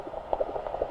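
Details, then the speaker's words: Fast, rhythmic whooshing pulses of a normal fetal heartbeat on Doppler during antenatal abdominal palpation, about twice the mother's rate, with the baby moving; head well down toward the pelvis. "baby's heartbeat oh great it bounces off this the water the sound waves it's a doppler technology"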